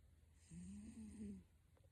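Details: 19-year-old cat snoring.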